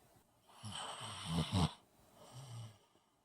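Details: Single low, rattling snore with a snorting peak, followed by a softer breath; typical snoring.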